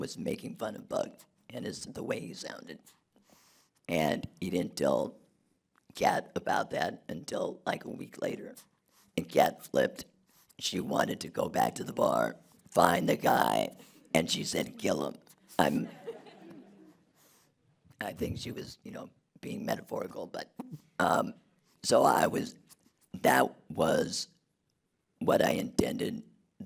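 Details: Adult man who had a laryngectomy in 2016 due to long-term radiation damage from tonsil cancer treatment 19 years earlier; alaryngeal speech after laryngectomy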